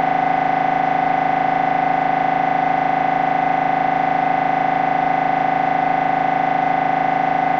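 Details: MRI scanner running a brain scan: loud, steady, rapidly pulsing buzz with an unchanging rhythm throughout; MRI scanner noise.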